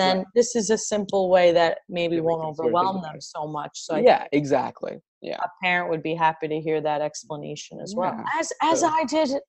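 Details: Adult speaker; fluent speech.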